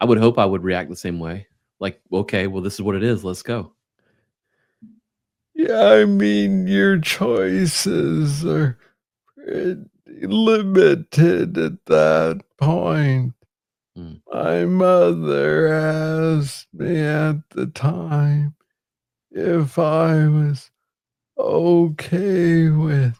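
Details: Adult man with Parkinson's disease, diagnosed in 2014 at about age 35 after it was first misread as tennis elbow; real conversational speech; slow speech (Parkinson's disease).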